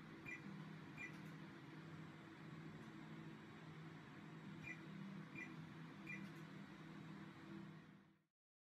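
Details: Fotona laser hair removal treatment: steady low hum of the machine's cooling fan with occasional short high beeps as pulses fire; hair removal laser running during treatment.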